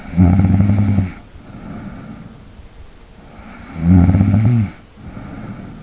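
Two loud vibrating snores on inhalation with softer breathy exhalations between, about every three seconds: typical snoring.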